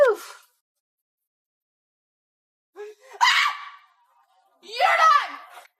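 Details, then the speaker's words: Young woman, a former swimmer, with Tourette syndrome, OCD and depression: vocal tics heard as brief, sudden high-pitched screeching outbursts separated by silence. "When I see my daughter ticking and hitting herself and screeching,"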